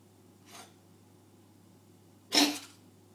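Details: Cat coughing like a human: two short, sharp explosive bursts, the second louder, over a quiet room hum.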